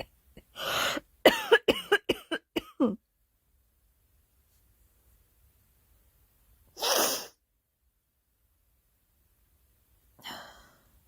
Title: Girl Coughing 314